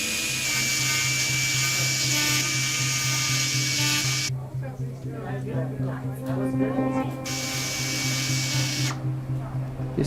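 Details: High, steady power-saw whine cutting in and out over a low hum and music: a surgical saw trimming the knuckles of two toes bending the wrong way, after the metatarsal joint is freed during foot surgery.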